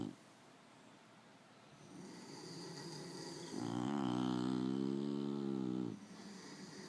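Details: Bulldog ("bullies") snoring in sleep: a soft breath, then one long, buzzing, almost tonal snore lasting about two seconds, loud snoring typical of a short-nosed dog.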